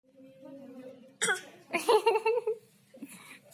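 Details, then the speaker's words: A 10-month-old baby fake coughing in imitation, making short, forced cough-like bursts with voiced sounds between them: a voluntary, playful pretend cough. "Batuknya dibuat-buat, mental."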